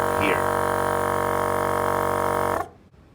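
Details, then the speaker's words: Loud steady motor hum for about 2.5 seconds, then cut off: the side-mounted suction pump of an in-house transport Isolette with Crossvent 2i ventilator, switched on and off; it is rather loud, so it is turned off when not in use. "You have a filter, and then turn it back off when you're not using it because it's rather loud."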